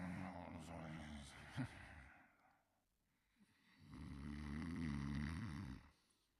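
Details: Cartoon sound effect from a 1988–1989 animated series of a character sleeping: two long, rumbling, rattling snores separated by a quiet pause; simulated snoring.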